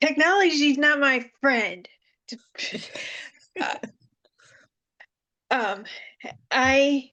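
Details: Panelist with aphasia following seizures, speaking in a virtual aphasia group conference; she reports it takes her time to get the word but says she is improving; finding: aphasia.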